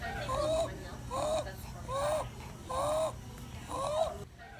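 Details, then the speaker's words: Teaching example of wheezing in an animal in respiratory distress: repeated high-pitched strained whistling breath sounds, about five in under five seconds, from air forced through a narrowed airway. "the lungs and bronchi this is an example of wheezing and that strained whistling asthmatic type of sound that occurs when air is being forced through a narrow airway like the trachea"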